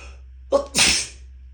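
One sneeze: a short catch of breath, then a sharp, hissing burst of air.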